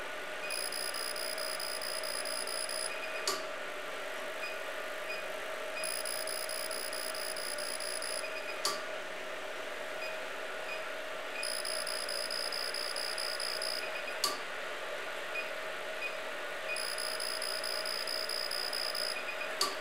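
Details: CO2 fractional laser treating enlarged facial pores at energy setting 6, with the handpiece held perpendicular and flat on the skin: repeating runs of high electronic tones, each separated by a sharp click.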